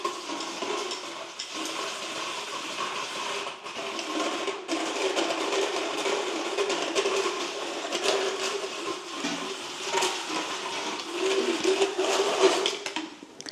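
Gritty, buzzing grinding of a power file against teeth, with brief pauses; motorized dental floating filing off sharp points of a horse's teeth.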